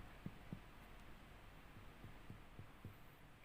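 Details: Resonant chest percussion note.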